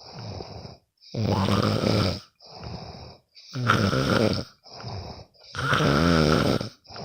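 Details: Best friend snoring while asleep: steady snoring with loud rattling on each in-breath and softer out-breaths, about 14 breaths a minute.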